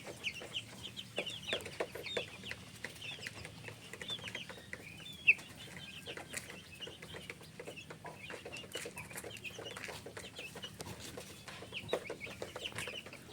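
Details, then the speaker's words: 16-day-old broiler chickens with cold and cough after days of heat followed by rain: peeping flock with many short, sharp coughing bursts, reportedly slightly less than the previous day after medication. "বেশ সবাই কাশি দিচ্ছে। তবে গতকালকের চাইতে একটু কম মনে হচ্ছে।"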